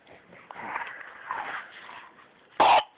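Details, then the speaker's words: Infant gives a single loud, brief cough after soft fussing; adult reacts, calling it a terrible cough. "Oh no, poor baby! Poor baby! That's a terrible cough!"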